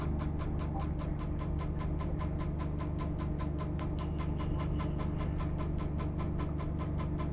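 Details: Laser tattoo removal in a live session: rapid, sharp snapping clicks over a steady machine hum as the laser device pulses on the skin.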